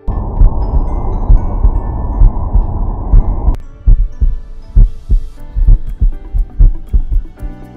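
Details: Normal heart sounds through the Stemoscope PRO wireless stethoscope: regular beats at about 66 per minute, first under loud ambient hiss, then clear with noise cancellation on.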